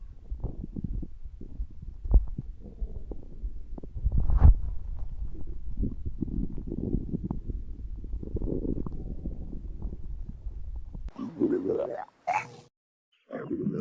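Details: Male, hungry again: low, continuous gurgling and rumbling from an empty stomach; ordinary hunger stomach growling (borborygmi).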